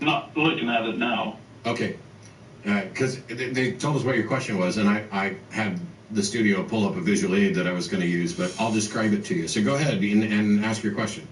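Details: Adult man speaking; typical speech.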